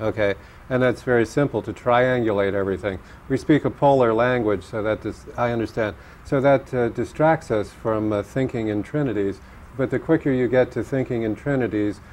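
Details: Adult male speaker; ordinary speech.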